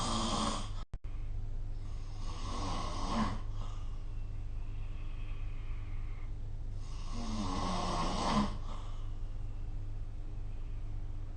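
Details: Snoring during sleep recorded with the SnoreLab phone app: two low rumbling snores about five seconds apart over steady room hum.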